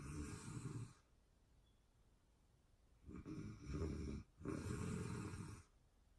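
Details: Sleep snoring for anxiety relief: rough, rattling breath noises, one then two in quick succession after a pause.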